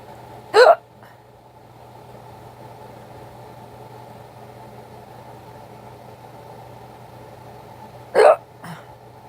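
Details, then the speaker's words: Two sharp, brief hiccups about eight seconds apart over a steady engine hum, from someone with bad hiccups, the first all year, thought to come from drinking soup broth or tea too fast. "my hiccups are bad yeah yeah yeah first time I've had them all year this is a rare moment"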